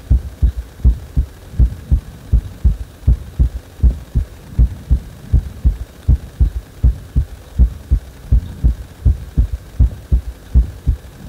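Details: Regular, strong thumping heartbeat at about 80 per minute with a low hum behind, a heart speeding up on its own after compression; heartbeat.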